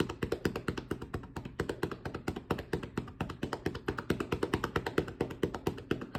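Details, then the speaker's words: Student physical therapist, seated, performing cupped-hand chest percussion over the right middle lobe for airway clearance: rapid, hollow, steady rhythmic clapping, about two claps a second. "So again, we're at cupped hands. We're nice and fast, just cupped right where that middle lobe would be. And we're just gonna add percussion."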